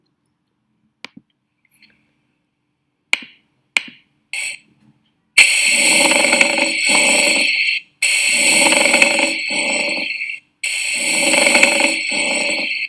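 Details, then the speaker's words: Teaching example of lung auscultation: harsh grating bursts over three breath cycles, each in two parts, heard on inspiration like two sheets shearing; a pleural friction rub. "imagínense ustedes como si fueran dos hojas que se están cisallando, que en la inspiración se cisan. Está. Y eso, ese sonido se genera por la presencia de un poco de líquido dentro de las dos pleuras."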